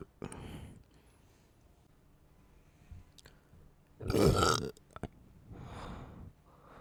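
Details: An adult burping while quickly chugging fizzy soda: several gulping burps of varying length, with one loud, prolonged belch in the middle.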